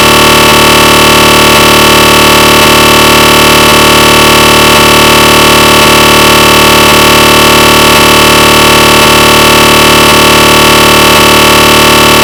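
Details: Recreated GE 1.5T SIGNA Victor MRI scanner noise during a T1 sequence: loud constant buzzing drone with regular knocks about three times a second.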